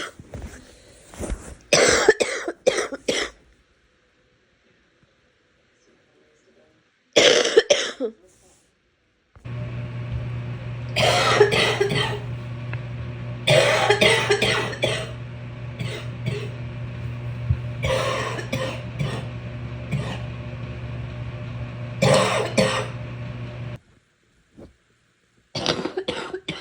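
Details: Adult coughing in repeated short bursts of loose, rattling coughs, with a steady hum behind them; wet, productive cough.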